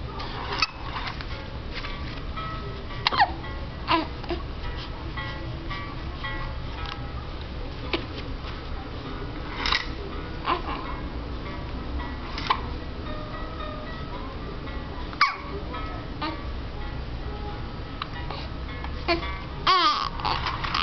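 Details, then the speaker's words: Repeated abrupt hiccup sounds every few seconds over background music; hiccups. "got the hiccups. Aww. hates the hiccups."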